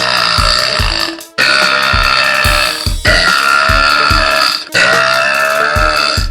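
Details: Girl belching repeatedly, long drawn-out burps over loud background music and applause, possibly in a contest; burping.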